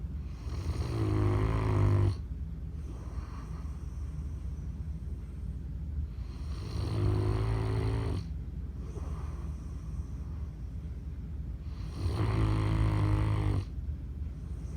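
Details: Loud, low, rumbling snores on each in-breath, about 12 a minute, with quieter out-breaths between; snoring.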